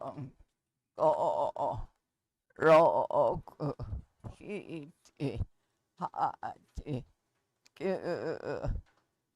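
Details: 70-year-old female with adductor spasmodic dysphonia and voice tremor, recorded before surgical treatment.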